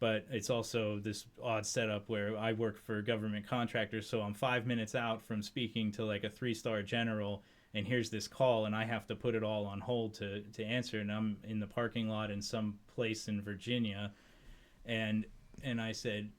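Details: Adult man speaking; Normal conversational speech.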